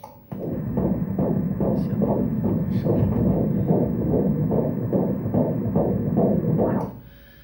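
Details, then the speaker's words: Rapid, regular whooshing fetal heartbeats on ultrasound Doppler at a prenatal visit, a normal fetal heart rate within the stated 120–160 range. "Maşallah kalp atışları kaç 44-120 ile 160 arasında olması gerekiyor normal"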